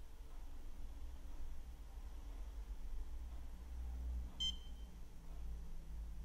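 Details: Woodpecker iLED fast-curing dental light, normal 20-second program curing 3M Filtek Z250 composite in a depth-test block: single short beep over a low steady hum, sounding every five seconds to help estimate when polymerization will end.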